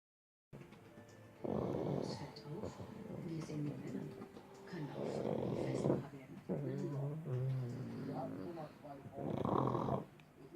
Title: Schnarchmops snoring pug